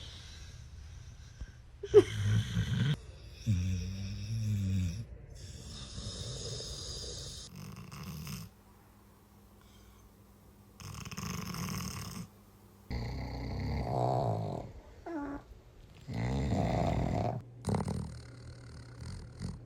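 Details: Sleeping dog: loud, irregular rumbling snores broken by sharp snorts; snoring with snorting.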